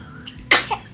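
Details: A single sharp, high-pitched sneeze from a newborn girl born after induction at 39 weeks, recorded a couple of days after birth while being dressed, then a brief soft sound.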